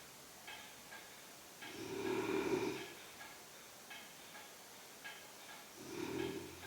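Two loud, rough, rumbling breaths about four seconds apart, with quieter breath noise between them: heavy snoring.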